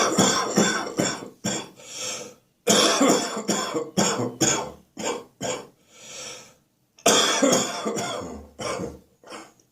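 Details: Spring cold with a cough now stuck deep in the chest: repeated deep, rattling, phlegm-laden coughs in bouts, about a dozen; a wet productive cough.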